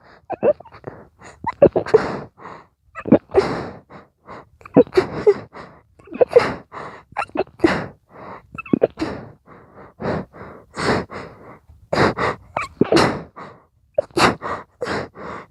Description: Those sneezes were coming so fast! I could barely breath in between every sneeze. I tried to do my best in stifling them (it was my own challange to myself).